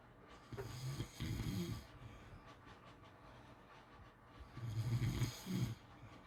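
Repeated low, rattling snores in pairs with breathy hissing between them, about one cycle every four seconds; ordinary snoring during sleep.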